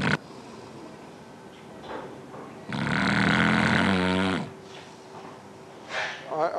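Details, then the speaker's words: Snoring heard while a fiber-optic scope views the throat from above (tongue at bottom) in someone who snores; snoring described as the first sign of obstructive sleep apnea. "Oh yeah, this is the throat of of someone who who snore. Snoring is the first sign of obstructive sleep apnnea."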